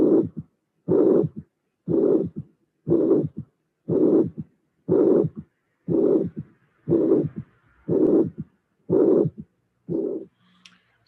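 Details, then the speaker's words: Mitral regurgitation teaching example: four beats of first and second sounds without murmur, then a systolic murmur appears, then a third heart sound follows. "in this case I didn't mention before we have uh a third sound appearing at the end so you will have three phases in the construction of the ascult"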